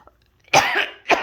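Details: A person's cough, recorded while their pet rabbit reacts and appears upset by the coughing.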